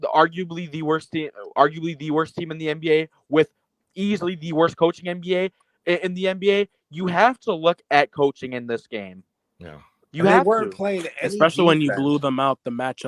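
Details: Adult male speaker; Normal speech.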